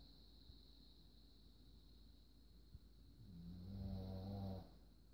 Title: Rocky can Snore!